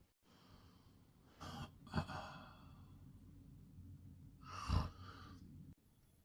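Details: Adult husband snoring while asleep: slow, rough, rumbling breaths, about two in six seconds; ordinary snoring.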